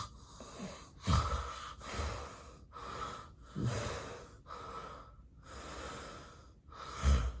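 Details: An adult with sleep apnea snoring during a real, unplanned daytime nap after extreme daytime sleepiness: loud, rough snoring with repeated snorting, gasping intakes, but no full breathing pause in this stretch.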